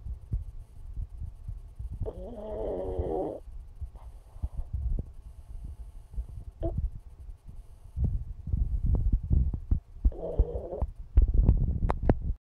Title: Alfie Pug Snoring And Dreaming